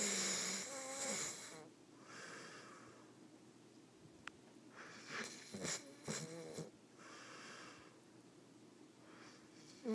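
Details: Soft, irregular snuffling breaths with faint whistling tones from a sleeping Vizsla dog in a quiet room; snoring, reportedly loud from 30–40 seconds in.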